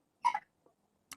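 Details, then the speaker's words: Lethargic chicken, apparently with cough and cold, beak constantly open: a single short, sharp cough-like burst, then a faint click and a brief second sound. Chicken cough. "terpantau batuk sobat. Jadi kita kasih dulu obatnya agar dia sembuh lagi."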